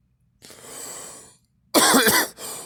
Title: me coughing